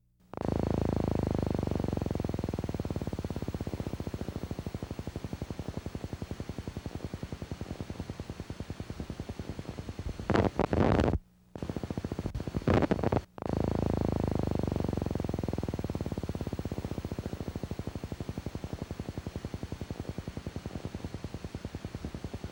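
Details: Needle EMG teaching example of positive sharp waves, a sign of denervation. They are evoked more easily by needle movement than fibrillations, with the same electrophysiological characteristics and clinical significance as fibrillations.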